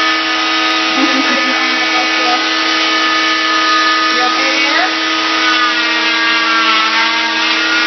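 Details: Oscillating cast saw removing an arm cast that reaches the elbow: a loud, steady, high-pitched whine cutting through the cast, with the pitch dipping slightly as it bites.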